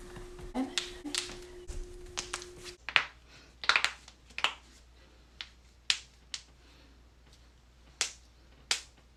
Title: joint cracking